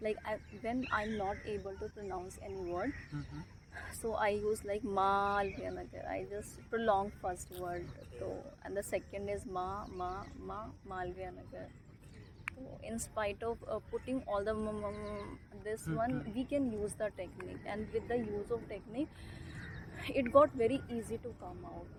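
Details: Stammering in a person interviewed in a park who stammers; stammering.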